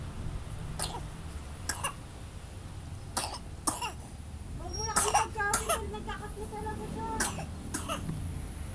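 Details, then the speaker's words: Dutch Shepherd-type dog coughing on command ("Zoey, cough") as a trained trick, not illness: several short, dry, husky coughs. "you Wow naman this girl guys inuubo naman na this girl inuubo na this girl guys"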